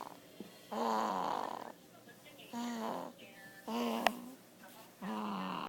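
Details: A baby napping gives four snoring breaths, each a rough, buzzing noise about a second long, with quiet pauses between; snoring.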